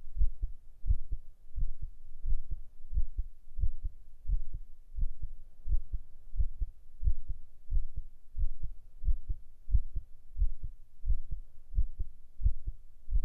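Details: Binaural ASMR heart sound recording for sleep: a steady, regular lub-dub heartbeat at about 90 beats a minute. Normal heart rhythm.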